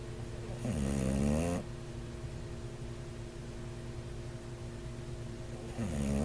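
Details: Bulldog snoring: loud, buzzing, rattly snore with rising and falling pitch on each breath, typical of a short-nosed dog, over a steady hum; snoring that could be a sign of sleep apnea.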